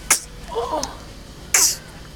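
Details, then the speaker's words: Two sharp, hissy bursts about 1.5 seconds apart with a soft infant vocal sound between them; sneezes from a baby girl, possibly three weeks old. "bless you bless you I got some sneeze those were for line sneezes"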